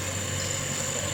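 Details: Oxygen concentrator that had been submerged in water, running after zeolite and filter replacement (oxygen around 74–84%): a steady, even mechanical hum with a low droning tone and a faint high whine.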